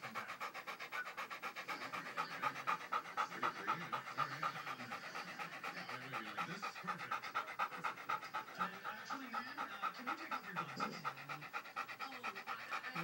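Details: Dog still recovering and disoriented after a seizure, drooling (has seizures about every six months): rapid, steady panting at about 240 breaths a minute with quiet talking.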